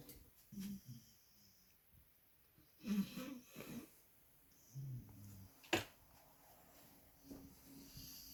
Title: Pitbull Snoring